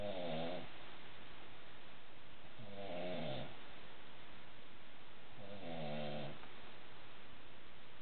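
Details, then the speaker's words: Wife who began snoring only in the last week, recorded asleep around 12:10 at night: three loud, rattling snores in a slow, steady rhythm, about 22 breaths a minute, with quiet breathing between; heavy snoring. "well there you have it loud as bear keeping me up it is is let's see how how late it is 1210 can't go to sleep the Bears are keeping me up"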